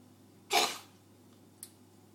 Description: My cat jess coughing like a human